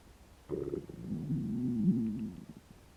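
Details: Stomach growling after about 12 hours without eating: a low gurgling, rumbling growl lasting about two seconds; hungry borborygmi.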